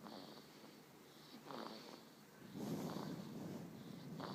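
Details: Savannah kitten, 1 month 16 days old, snoring while napping: soft, faint snuffling snores mixed with quiet room noise.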